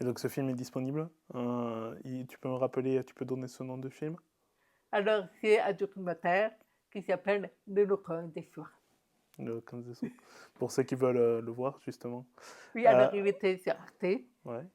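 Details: Adult, French speech; Ordinary speech.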